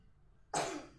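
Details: A single short, harsh cough burst from a child after a quiet moment, recorded during a massage given to ease the child's cough.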